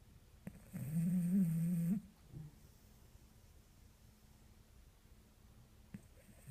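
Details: Bulldog snoring: one long, loud, wavering snore on breathing in, then a short snort and quiet breathing.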